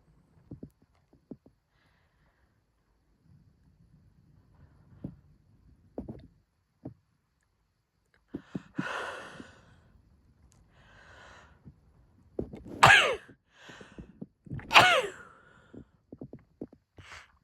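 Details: A woman's hitchy sneeze fit: quiet catching breaths build up, then two loud, forceful sneezes in quick succession, with an itchy nose. Sneezing.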